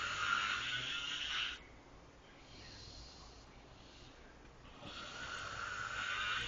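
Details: Snoring loud enough to wake the owner: loud, harsh rasping noise on breathing in, separated by quieter pauses, typical heavy snoring.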